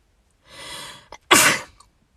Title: Beautiful Asian girl sneeze